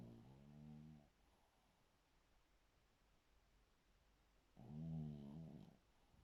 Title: Silver snoring♥️♥️😆😆😆